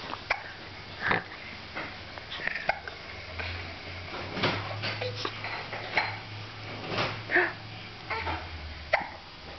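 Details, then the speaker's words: Infant hiccups after giggling: short, sharp catches in the breath recurring every second or so over a steady room hum. "I'm sorry I'm laughing at you but what happened Oh hiccups"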